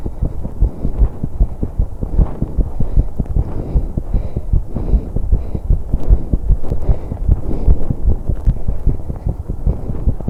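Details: Heartbeat and breathing of a 21-year-old woman on an exercise bike, recorded to capture breath sounds with much noise: rapid, somewhat irregular low thumps in heavy breathing and movement noise; fast heartbeat during exercise.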